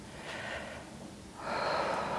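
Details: Two forceful, noisy snort-like nasal breaths, the second longer and louder, from a woman during a stretch with breathing cues in a simulated ASMR chiropractor role-play.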